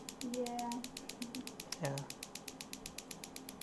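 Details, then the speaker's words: Rapid, regular clicking pulses, about eight a second, from focused shockwave therapy in a podiatry office, given in sets of about 500 pulses and raised to tolerance; brief voices in the background. "so you leave it there for about 500 are 500 pulses then do another 500 and you can increase it to tolerance you feel that"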